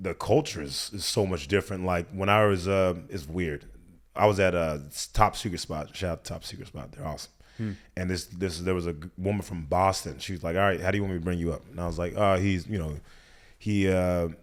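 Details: Adult man; typical speech.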